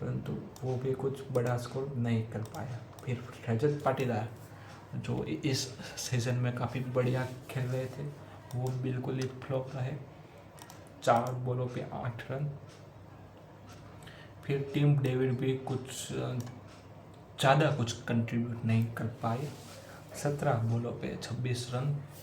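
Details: Adult man with a self-reported stammer, on day 89 of daily stammer-control practice, speaking spontaneously in Hindi during storytelling practice. Stuttering.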